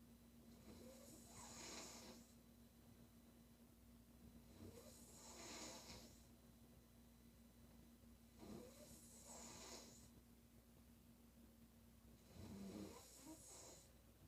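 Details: Adult woman snoring: four rough, hissing breaths about 15 a minute over a steady background hum.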